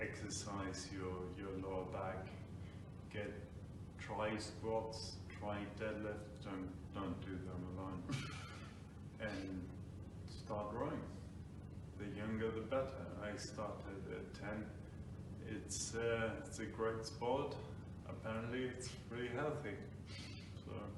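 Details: Adult man with Friedreich's ataxia, a degenerative brain disease diagnosed about five years earlier; ataxic dysarthria.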